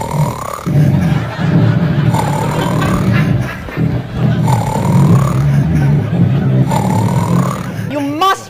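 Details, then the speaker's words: Simulated comedy snoring of a husband in bed: loud, gurgling, throaty snores with rising whistles, exaggerated for comedy and ending in a short squeak. "you simply take a toilet plunger and you place it over his nose and then you pop like hell until those horrible old goat noises stop"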